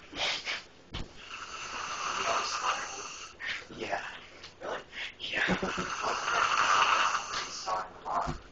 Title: My cousin snoring LOUD!